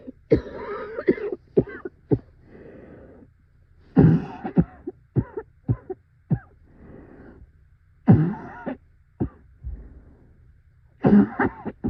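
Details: A severe coughing fit, described as the person's scariest yet: repeated clusters of forceful coughs with strained, harsh breaths between bursts.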